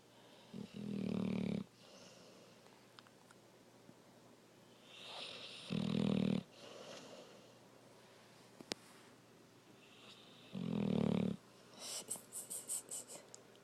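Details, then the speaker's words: Dog imitating snoring while awake (a long-standing habit): three loud, low, snorting snore-like breaths about five seconds apart, then quick sniffs; fake snoring. "you sleepy? Fake snoring? Are you fake snoring? Is that a fake snore?"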